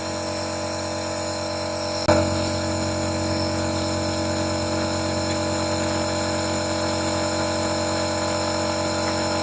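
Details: Nebulizer compressor running, steady loud mechanical hum and buzz with a brief knock, while medicine is delivered to a 9-month-old boy with a cold, badly blocked nose and difficulty breathing; the baby stays quiet.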